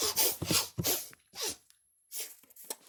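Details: Male with Tourette syndrome making an involuntary vocal tic.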